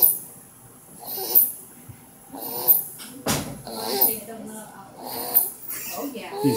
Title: Wheezing Sounds